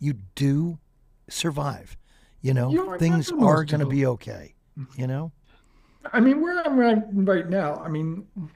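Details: Adult man with ALS diagnosed four and a half years ago, advanced and nearing end stage: onset right calf, spreading through legs, core, arms and hands, now neck deep with difficulty speaking and breathing; speaks using a ventilator; dysarthria in amyotrophic lateral sclerosis.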